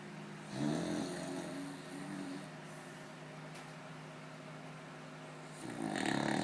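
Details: Beagle (Luna) snoring during an afternoon nap: low, rattling snores, one long loud inward snore, then a quieter steady stretch before the next.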